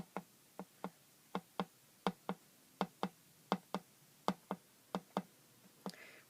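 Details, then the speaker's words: Nursing student's cardiac assessment, auscultating the aortic and pulmonic areas at the second intercostal space: steady paired lub-dub beats about 80 a minute; normal first and second heart sounds. "And we're going to check for the aortic sites, the pulmonic valve, second pulmonic area, second intercostal space, to hear the lub-dub. And I hear the lub-dub. Hear the lub-dub."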